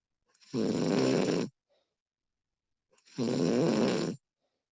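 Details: Two loud, rattling snores about three seconds apart, separated by silence, from a sleeping woman recorded during sleep; snoring.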